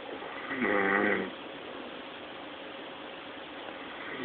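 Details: Man snoring loudly: a single loud, rattling snore on the in-breath, then quiet breathing with room noise; ordinary snoring.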